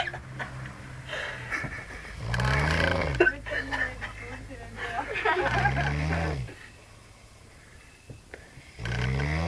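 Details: Drunk person snoring: loud, deep, rumbling snores on breathing in, recurring every three to four seconds, with a quieter breath between them; heavy snoring.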